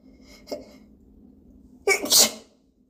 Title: Hitchy Sneezes